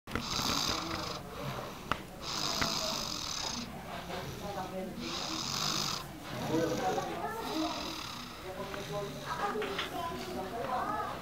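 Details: One of twin children snoring softly and raspingly while asleep and dreaming, as the other twin counts aloud; room noise in the background.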